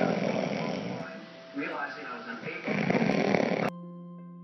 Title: Who snores louder?